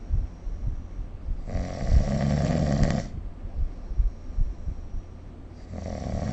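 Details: Loud, rough snores with a rattling, noisy quality on breathing in, separated by quieter breathing in a still room; ordinary sleep snoring recorded with the SnoreLab smartphone app.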